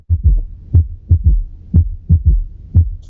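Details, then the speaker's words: Pediatric cardiac auscultation lecture example taken from the internet: regular low heartbeat near 60 per minute with an extra soft low thud after the second sound; third heart sound, an S3 gallop, not always associated with heart disease. "Vale, ese sería el tercer ruido que no siempre no siempre se asocia a cardiopatía,"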